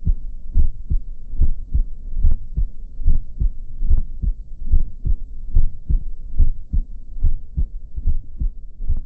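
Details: Adult in a cardiovascular teaching exam, stethoscope diaphragm over the standard aortic, pulmonic, tricuspid and mitral areas: regular lub-dub heart sounds at about 72 a minute; normal heart sounds.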